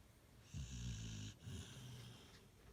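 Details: Two low, rattling snore sounds with a soft whistling edge from a sleeping, smiling pit bull; ordinary snoring.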